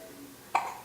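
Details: Baby with a single short, sharp hiccup over a quiet background; infant hiccups.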